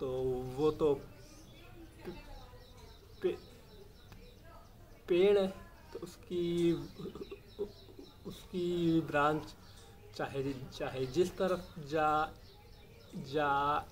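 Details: Adult male speaking Hindi; stammering.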